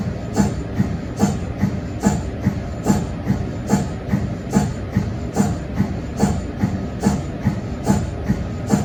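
Steady rhythmic mechanical thumping with a hiss, about 72 pulses a minute: the normal pumping of an MRI scanner's cold head.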